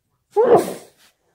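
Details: Person's sneezes from one day, among sniffles and nose blowing: a single wet, muffled sneeze with a short voiced burst trailing off.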